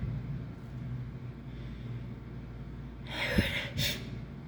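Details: Adult with flu, heavy nasal discharge, and sneezing fits up to 15 in a row: quiet room noise, then a sharp sneeze burst followed by a second shorter one; sneezing during flu.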